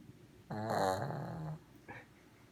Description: Hilariously funny Snoring ShizTzu